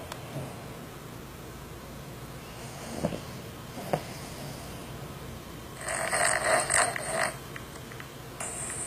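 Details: Snoring: quiet room noise with a couple of soft clicks, then one pulsing, whistling, snore-like breath lasting about a second and a half.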